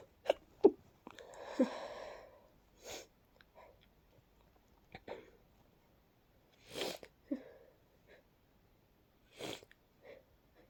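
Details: Several breathy, wet sneezes with sniffs between them in a quiet room at night; a congested sneezing fit in a person coming down with a cold, with a breathy build-up.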